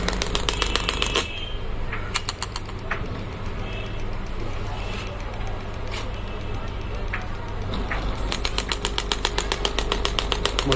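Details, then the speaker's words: Biotronix 10 bar pneumatic shockwave therapy machine firing after start pressed on the handle: rapid rhythmic mechanical tapping, about two to three pulses a second, over a steady compressor hum. "once you press the start button and the start button in the the handle then it will start working"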